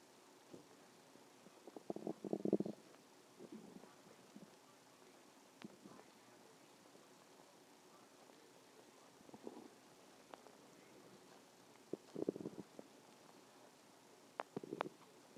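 Quiet room with intermittent short gurgling rumbles every few seconds; ordinary stomach growling.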